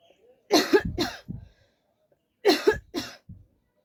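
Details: Voluntary cough in a coughing challenge: two short clusters of forced coughs, two or three bursts each, crisp and dry, done deliberately, not from illness.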